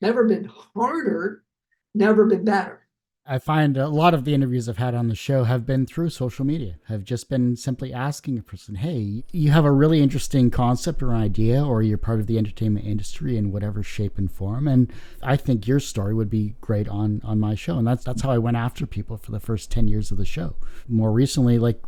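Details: Adult male speaker; ordinary speech.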